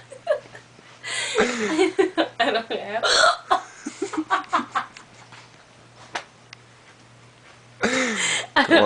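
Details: Adult with a baby, hiccupping with abrupt short gulping sounds amid laughter and chatter; the hiccups are said to give a stomach ache. Hiccups.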